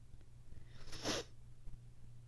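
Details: Single sharp sneeze in a quiet room from an adult with allergies and a sinus infection, reporting facial pain, sore itchy throat, itchy watery eyes and a sensitive nose after dog sitting, dust and high pollen counts.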